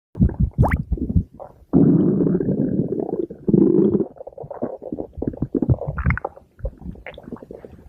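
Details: Stomach growling (borborygmi) from a sister's (female) abdomen: low gurgling and rumbling with bubbly bursts and longer drawn-out groans.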